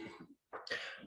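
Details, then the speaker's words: Adult recovering from COVID-19 with lingering post-COVID cough, recorded while talking through morning premarket stock scanning; lingering post-COVID cough. "forgive me if you hear a cough throughout the video um i just got over i had coveted so i still have that lovely kobe cough lingering around"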